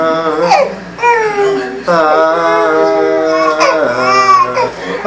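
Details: Infant crying in repeated long, high-pitched wailing bouts with faint background noise while the father sings a Luan Santana song to him; the crying stops and restarts between attempts.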